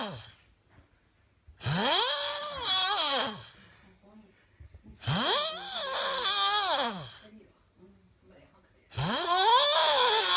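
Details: Three long, loud, tonal snores with rising-then-falling pitch, about 17 a minute, with quiet pauses between; snoring.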